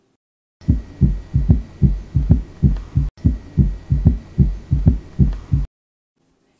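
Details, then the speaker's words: Third heart sound (S3): regular low-pitched heart sounds with a soft extra thud just after S2, caused by rapid filling of the compliant left ventricle. "so this is a sound produced when there is rapid gush of blood into the compliant left ventricle and this is how third heart sound is heard"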